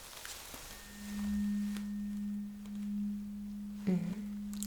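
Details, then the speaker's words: Steady pure hum of a vibrating tuning fork placed on the bone behind the ear during a Rinne test of bone versus air conduction, in a simulated ASMR cranial nerve exam roleplay. "So, I'm supposed to place this vibrating tuning fork right behind your ears."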